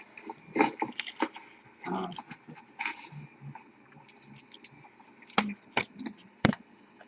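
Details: A small animal sneezing repeatedly: several sharp, explosive bursts separated by soft snuffling and sniffing sounds.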